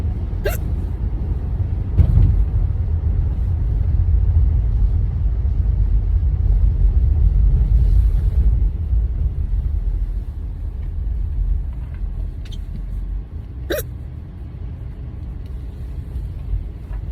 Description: Not the best quality but hiccup cases are few and far between these days!